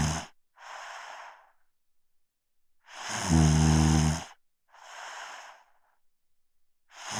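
Airy breaths alternating with one loud, low buzzing snore on inhalation; breathing about 15 a minute. Ordinary snoring.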